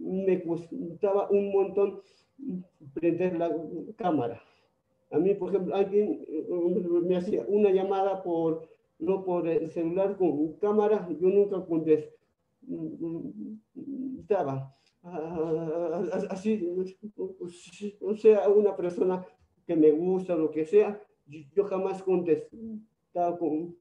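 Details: Spanish-speaking participant who stutters, with blocks or repetitions; stuttering.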